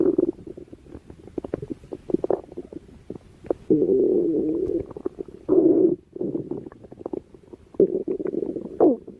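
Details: Stomach growling: low gurgling and bubbling rumbles with longer drawn-out growls.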